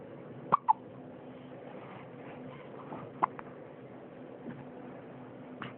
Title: Baby hiccups